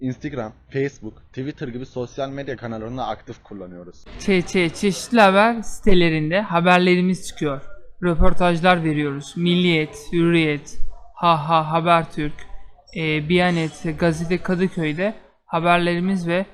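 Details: Member of a stutterers' association speaking in Turkish; whether this speaker stutters is not stated; stuttering.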